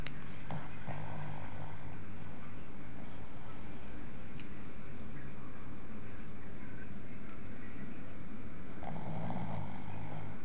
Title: Butter is snoring